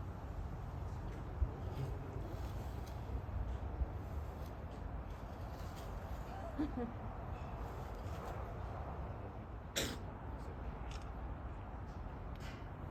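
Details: Wombat sneezing: one short, sharp sneeze, described as sounding like an old man's, over quiet room noise.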